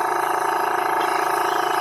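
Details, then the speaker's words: Steady mechanical hum and hiss of a jet nebulizer compressor running continuously, misting gentamicin saline through a child-sized mask for about 15 minutes to treat upper respiratory infection in a rabbit. "Through this tube is where the nebulizer, when I turn it on, the compressor will blow air into it."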